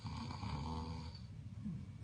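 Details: A low, rough, rattling breath sound sustained for over a second, then easing: snoring.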